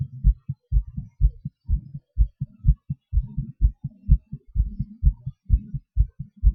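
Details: Own heartbeat recorded close up during breathholds and panting (hyperventilation), rate changes expected; low, regular thumping heartbeat, steady rhythm with no clear speeding or slowing in this short stretch.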